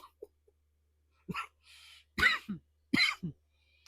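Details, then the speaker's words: Adult woman with influenza, sore throat, in the coughing stage: three short, harsh coughs, each with a quick follow-on burst, in a quiet room; cough with flu. "but y'all this sucks so bad right now I'm kind of in the coughing stage not coughing stage but coughing [Music]"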